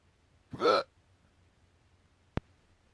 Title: Cat Reacts to my Hiccups